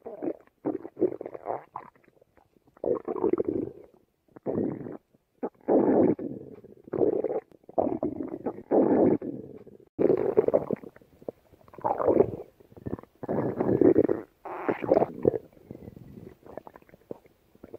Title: Rumbly Tummy